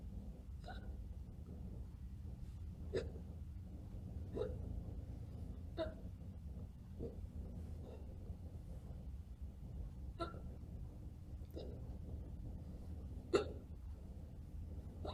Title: Probably Fake Hiccups